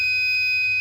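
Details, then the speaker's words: Arduino-based IV infusion alarm, fluid reading dropping below 100 (about 80), nearly empty: red LED on and buzzer sounding continuously. "Apakah ya alarm merah menyala dan buzzer menyala terus, bunyi terus? Ini kita lihat cairan infus di berapa ini, di 82 ya, 80 turun terus. Kita lihat penampakan aslinya, memang cairan sudah mau habis."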